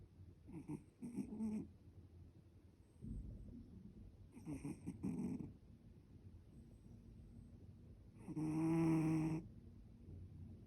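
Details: Snoring in a sleeping cat, which the owner likens to a man's snoring: loud, rattling snores with whistly edges and quieter breaths between them; ordinary snoring.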